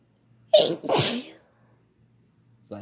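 A single loud sneeze with a sharp breath-in and explosive burst, followed by quiet and the start of a voice.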